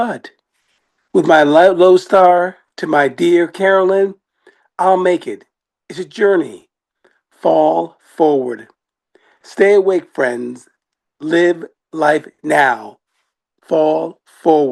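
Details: Aphasia in an adult acquired after an ischemic stroke on 21 May 2016, recorded in 2025, about nine years after onset.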